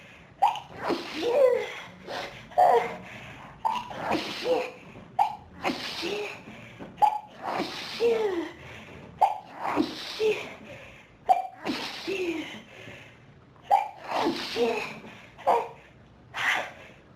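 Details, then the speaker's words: Intense sneezing fit in an adult with pollen and dust allergies since about age 14, triggered by room dust: long run of about ten repeated sneezes, each with a sharp intake before it, unable to stop; sneezing fit. "Oh, God, that felt so... That was some sneezing fit. So intense."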